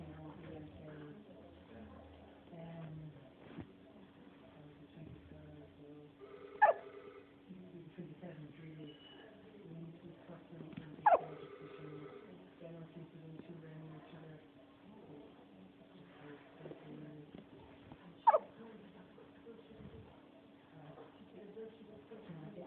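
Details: Three sharp, abrupt catches a few seconds apart from a 4-day-old newborn, over soft room noise; hiccups.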